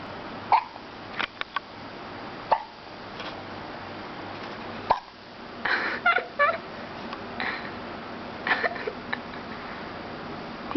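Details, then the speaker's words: Brief, sharp catches of breath recurring every second or two over quiet room noise from a baby girl; infant hiccups. "Someone's got the hiccups. So cute."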